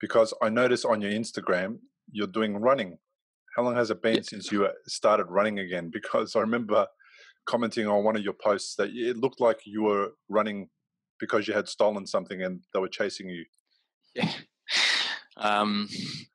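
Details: Adult male speaker; Normal speech.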